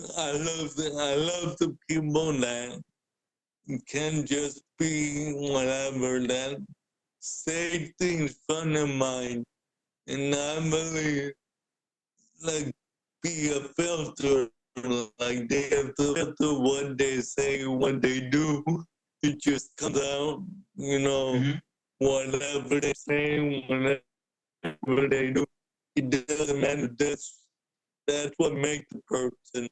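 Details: Adult man born with cerebral palsy, wheelchair user, describes himself as higher functioning with mainly physical limitations; the host notes speaking is hard for him; dysarthria (cerebral palsy).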